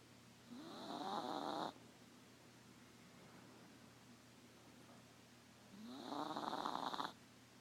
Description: Tonight we discovered that our 3 pound, apple head, teacup chihuahua snores like a trucker.